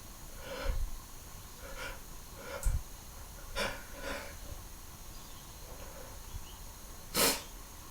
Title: Some let out sneezes and stifles